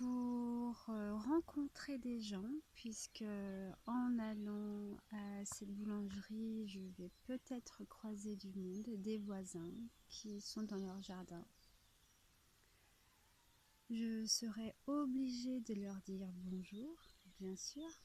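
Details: Adult French-speaking woman with a stutter (bégaiement), applying a fluency technique learned with a speech therapist; stuttering.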